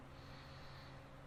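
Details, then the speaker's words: Stethoscope auscultation of posterior chest near inferior scapular angle and below, patient breathing deeply in and out on command: soft steady rushing airflow, clear normal vesicular breath sounds, described as great lungs. "okay in and out in and out and then down below in and out you got great lungs"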